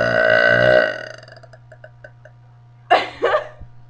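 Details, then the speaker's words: A deliberate burp attempt for a burping contest, recorded just after swimming: a long, loud, voiced belch fading out, then a pause and two short bursts. "okay well this is a contest anybody that can beat me we'll figure something out but anybody just comment on mine if you think you can beat me we'll have a burping contest and see what's going on"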